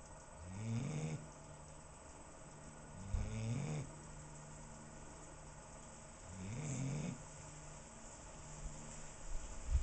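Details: 8-month-old female bloodhound with a snoring problem, loud enough to hear from indoors with windows closed: low, rattling snores on each breath, about three in ten seconds, amid quiet room noise.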